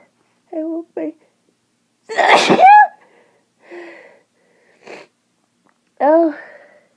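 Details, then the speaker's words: Seasonal allergic rhinitis in spring, with watery eyes and sneezing from morning until night: short voiced catches build to one loud, forceful sneeze, followed by sniffs and vocal sounds. "I've been sneezing all day I'd like to stop now"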